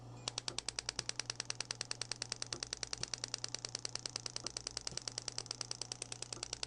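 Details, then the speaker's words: Radial shockwave therapy from a compressed-air machine, applicator moved very slowly over painful areas of the arm: steady sharp ticking pulses about two per second over a low hum, with an impulse counter counting down. "then you can stop if you want come back to the top and come back down that area and you'll notice the impulses will be counting down here as you're applying that that pulse"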